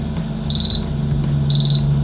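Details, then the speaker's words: Low-oxygen alarm on a Hypoxico Everest Summit II altitude generator as the oxygen reading on the filter drops from 20.9% to about 10% and below: two bursts of rapid high-pitched beeps over a steady low hum. "It's got some alarms here."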